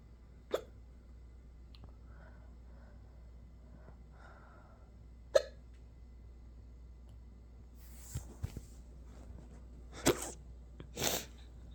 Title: Omg, more and more hiccups today! #hiccups #hiccup #hiccuping